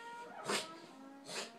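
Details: A 10-week-old puppy reverse sneezing: two harsh, snorting inhaled noises, with music playing behind.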